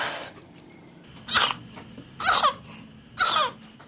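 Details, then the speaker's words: Infant with whooping cough, coughing: three strained high-pitched coughing bursts mixed with crying in a quiet room. "When they cough like that, their eyes just get wider and wider and they're just pleading with you to make it stop."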